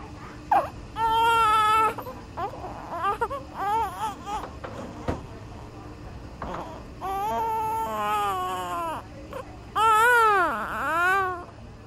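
Repeated strong, rhythmic newborn crying with clear wailing pitch rises and falls, separated by short gasping inhalations; sound-library recording.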